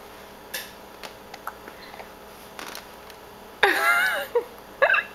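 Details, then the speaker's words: Dog with hiccups: soft, brief clicking jerks repeating about every half second, then a louder whining or voiced sound and more clicks. "Hi, little hiccups. Yeah. It confuses you a little bit when you get the hiccups, doesn't it?"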